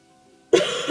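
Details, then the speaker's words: A single abrupt cough or throat-clear from an adult recovering from a summer cold with a sore throat, after a brief quiet moment with faint background music. "gonna have to excuse my voice is some they're covering from the summer cold but of course it is sore throat seriously again"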